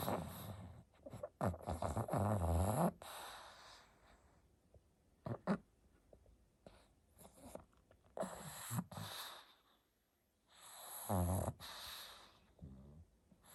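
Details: A sleeping pug dog at bedtime makes loud, rough snorting snores with rattly low buzzing on each breath, spaced irregularly with quieter pauses: snoring.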